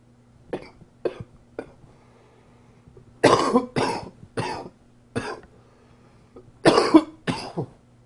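Repeated coughing: three short light coughs, then a run of harsher, louder coughs in two clusters, with a steady low hum behind.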